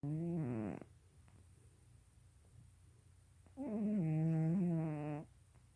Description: My cat Kitten (yes that's his name) snoring.